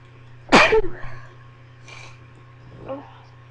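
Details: First attempt at stifled sneezes: one muffled, held-back sneeze burst and then a faint breathy second attempt over a low room hum. The mic is noted to add a shaky sound. Stifled sneeze.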